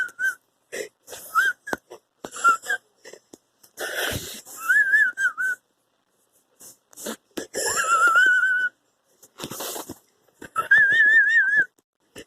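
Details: Person wheezing for 50 seconds, needing an inhaler: noisy breaths with high whistling tones wavering in pitch, typical of narrowed airways.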